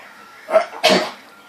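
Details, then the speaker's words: Dog's cough, not thought to be kennel cough as it is not consistent enough: two short, harsh, forceful bursts in quick succession against a quiet room. "was it kennel cough she didn't think so it's not consistent enough"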